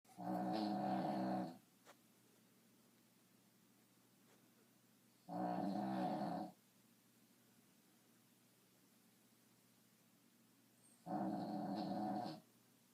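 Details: Frequent snoring: three loud, rough, rattling snores, each over a second long, about 12 a minute, separated by quiet pauses.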